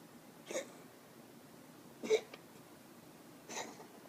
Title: coughing